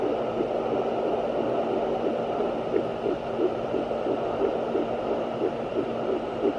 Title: Listening to Baby's Heartbeat on Fetal Doppler